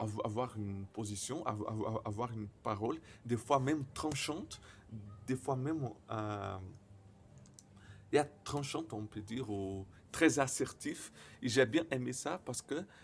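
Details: Stuttering in a 28-year-old Brazilian man speaking French as a second language, who reports frequent silent blocks and at times many repetitions.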